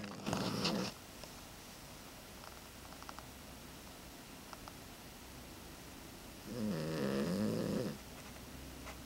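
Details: Sleeping animal, exhausted after being boarded at the vet all weekend, snoring: two rough, fluttering snores several seconds apart with quiet breathing between.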